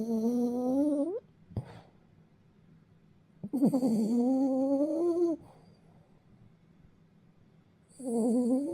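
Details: Male Bichon Maltese napping: light, whistling snores rising in pitch on each breath, about 14 a minute. Light snoring in a sleeping small dog.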